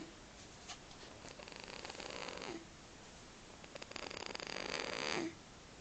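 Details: Infant snoring: two long, rattling, fluttering breath sounds in a quiet room.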